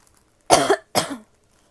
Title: coughing (f)